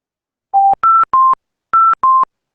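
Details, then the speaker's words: Hamilton C6 ventilator simulator, expired minute volume raised past the 9.5 high limit: five clean electronic alarm tones in a rising-falling pattern signalling high expired minute volume. "lo que estamos haciendo es aumentando el porcentaje de el volumen minuto hay saber que está incrementando el volumen minuto expirado"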